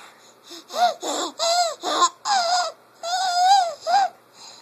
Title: Laughing and wheezing baby